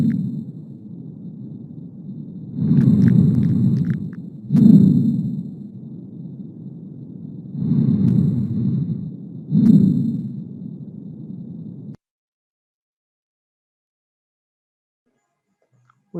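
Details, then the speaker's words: Breath sounds with dry crackling bursts predominating on inspiration, like velcro pulling apart: fine velcro crackles. "es un sonido muy parecido a cuando tú sacas un pega pega el famoso pega pega tú lo ves y va a sonar así como vamos a escuchar a continuación igualmente es un ruido que va a predominar principalmente durante la inspiración"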